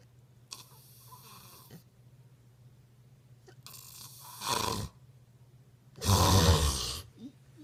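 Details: Loud, rattling snoring that grows stronger over three breaths, with a steady low hum in the room; snoring.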